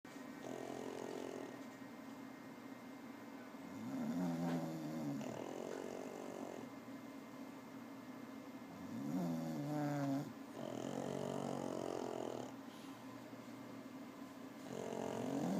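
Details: Snoring from a bulldog and a pug sleeping together: rough, rattling snores about every five seconds, roughly 12 breaths a minute, over a steady room hum.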